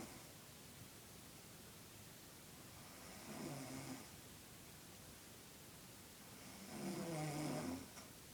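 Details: Sixteen-year-old boy snoring in sleep: two rough, fluttering inbreaths about four seconds apart over steady room hiss, with quiet pauses between.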